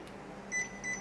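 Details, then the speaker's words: Zoll R Series Plus defibrillator in a training demonstration, delivering a second synchronised shock at 120 joules: two short, high electronic beeps over quiet room hum as the shock is delivered. "increase the energy to our 120 joules, charge up, deliver my second shock now, stand clear, shocking,"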